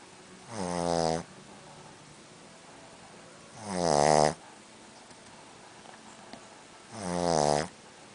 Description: Snoring Boston Terrier